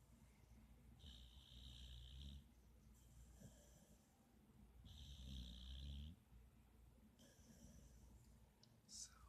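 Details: Pit bull sleeping on a couch with eyes open and tongue out, giving slow, rough, low snores about every two to three seconds, some with a hissing edge; ordinary snoring.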